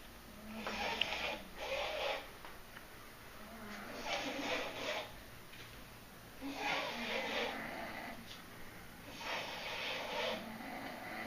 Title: dueling snores.MP4